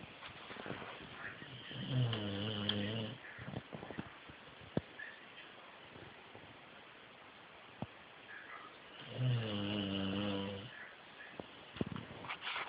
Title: snoring